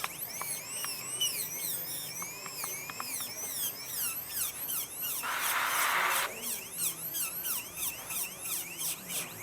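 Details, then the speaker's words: Dental drill whine in short bursts with water spray hiss, using a 3118 bur on the palatal concavity of a central incisor preparation over a glass-fibre post, recorded during a teaching class. "Agora a gente vai pra concavidade de palatina, onde a gente usa de preferência 311. 18, exatamente nessa região aqui, ó."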